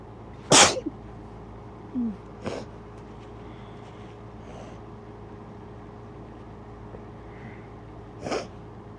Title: Strong and wet sneezes